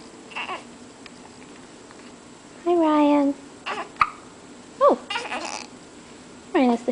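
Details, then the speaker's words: Eight-day-old newborn boy, born eight days before his due date, with hiccups: short, sudden squeaky catches in breathing among soft fussing sounds; infant hiccups. "hiccups ryan's due date was today but he's eight days old with the hiccups"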